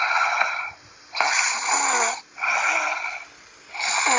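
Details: Loud, rhythmic snoring with raspy, whistling breaths about every 1.2 seconds, alternating with brief quiet pauses; snoring.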